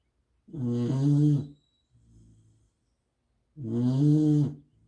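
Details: Sleeping dog: two loud, rattling, low-pitched snores about three seconds apart, with a soft breath between them. Ordinary snoring.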